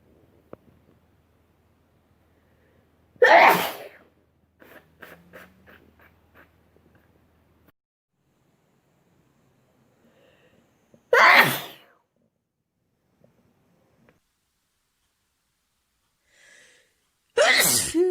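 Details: Three loud, sharp sneezes several seconds apart, with brief soft sounds between them; ordinary sneezing from a sneezing compilation.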